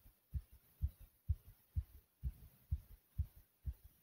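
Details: Fast, strong, regular lub-dub heartbeat at about 128 beats a minute right after nearly 100 jumps in place; normal fast heartbeat after exercise.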